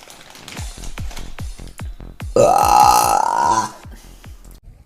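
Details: Burp recording: a long, loud, throaty burp lasting over a second, over a steady beat of background music.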